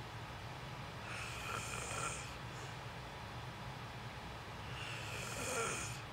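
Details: Two slow, soft rasping breaths over steady room hiss, recorded while the creator sleeps; snoring breathing noise during sleep.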